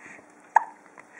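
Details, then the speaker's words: Infant hiccup while giggling and cooing during play with the mother: a single abrupt, squeaky catch of breath. "Is that a giggle and a hiccup?"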